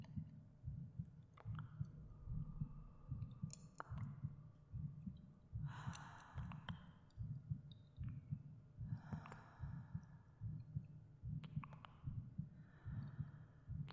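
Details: The speaker's own heartbeat with breathing and gentle cave echoes for relaxation and sleep: soft low thumps about 74 per minute with faint clicks; normal heartbeat.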